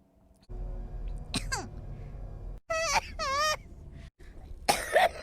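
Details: Short, sharp cough bursts with voiced squeaks between them over low background hum; ordinary coughing.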